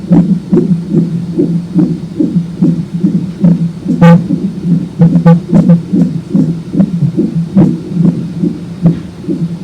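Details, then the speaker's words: Fetal heartbeat on a Doppler monitor during a late-pregnancy non-stress test, probe placed with ultrasound gel on the belly: fast, rhythmic whooshing pulses at about 143/min with a few sharp clicks, within the normal fetal range. "So, they put a little ultrasound gel on your belly and they find baby's heart rate."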